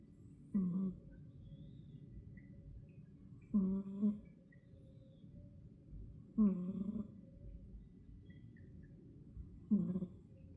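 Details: Four short, buzzing snores about every three seconds, roughly 20 a minute, from a cat snoring loudly while asleep during an afternoon siesta.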